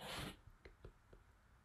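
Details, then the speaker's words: A pet cat that gets stressed and very congested with a recurring respiratory problem: a forceful sneeze, then several short, wet nasal snorts. "that was my cat i know the poor guy he's got like a respiratory he gets stressed out and like it's like a respiratory thing he just gets like super clogged and then he sneezes"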